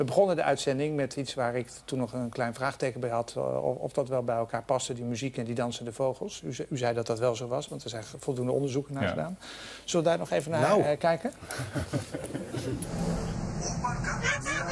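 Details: Adult male speaker; normal speech.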